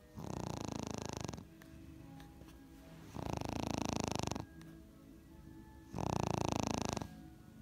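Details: Smooth coat Brussels Griffon dog sleeping and snoring loudly: three long, buzzing, fluttering breaths about every three seconds, near 20 breaths a minute.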